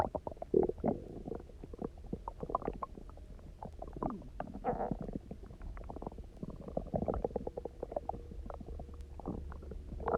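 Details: Loud, bubbly, near-continuous gurgling rumbles and squeaks from the stomach after eating basically nothing for 24 hours, then drinking a lot of water and lying on the side; hunger borborygmi (stomach growling).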